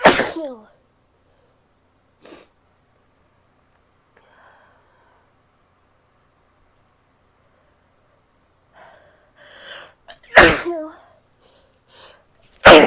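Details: Four sharp, explosive sneezes over about thirteen seconds, with a brief nose blow or sniff between them, from a female who is still sick; sneezing.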